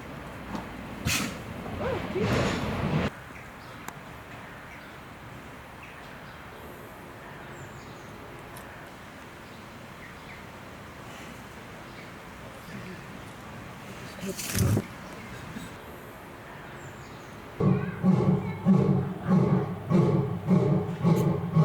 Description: A lion experiencing a sneeze attack. The majestic feline goes from a regal stance to an adorable sneezing fit, capturing the hearts of viewers.